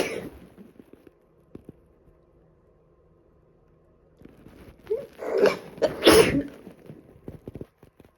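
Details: Person with a cold, sneezing badly for about three days and improving: a cluster of forceful, breathy sneezes with short gasps between them.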